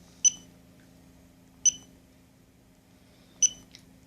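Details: Gemstar infusion pump set up for intravenous patient-controlled analgesia: three short, high keypad confirmation beeps at irregular intervals over a low room hum as the program is scrolled for review.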